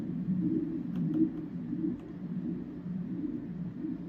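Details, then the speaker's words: Intercostal liver ultrasound with Doppler in a fasting patient, tracing the posterior right portal vein branching off the main portal vein, angle correction zero, small breath-hold; soft, steady whooshing hum with gentle waves, no sharp pulsing; normal continuous portal vein flow. "Now coming off of the main portal vein right here, you can see this blue vessel coming off. That is the posterior right portal vein. So let's get a tracing of that."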